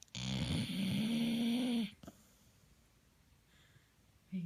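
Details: Pit bull dog snoring while asleep, tongue out: a long, loud, rattling snore, then quiet before the next breath.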